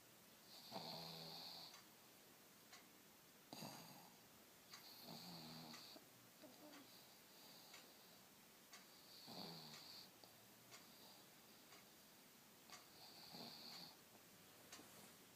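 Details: Loud, rattling snore-like stertor with each breath, about 15 breaths a minute, from a wide-awake pet pug on a lazy Sunday.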